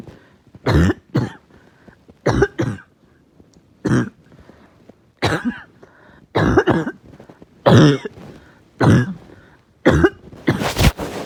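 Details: Adult's uncontrollable, really bad barking night cough: about a dozen repeated harsh coughs in eleven seconds, some in close pairs, knocking the wind out of them.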